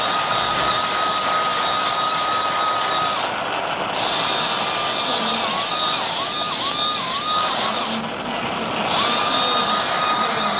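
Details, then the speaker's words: High-speed drill used alone after opening the ligamentum flavum in midline biportal endoscopic (UBE) decompression of two-level lumbar canal stenosis, patient with claudication at about 200 m: steady high whine with brief pitch dips over loud hiss. "But once we open up the flavor, I do not uh use the plasma or the ablator below. I only use coglish drill."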